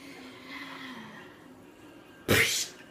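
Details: A quiet, drawn-out voiced build-up, then a single sharp, hissy burst near the end; an acted sneeze.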